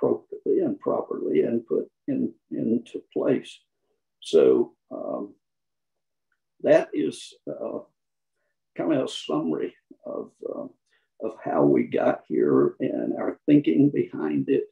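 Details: Adult man who counts himself among people with spasmodic dysphonia; spasmodic dysphonia.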